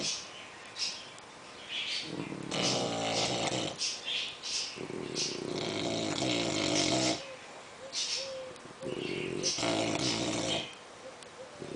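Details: English bulldog and French bulldog snoring together: loud, rattling, snorting breaths overlapping with higher whistling sounds over several long cycles; loud, prolonged snoring.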